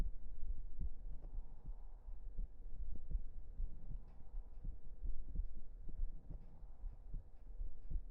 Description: This video will be mainly close up and relaxing hearbeat sounds.